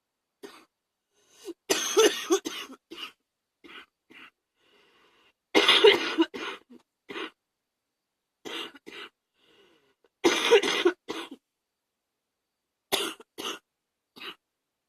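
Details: Rough coughing fits with bronchitis: three bouts of harsh coughing, each a strong burst followed by a few shorter coughs, with quiet pauses between bouts.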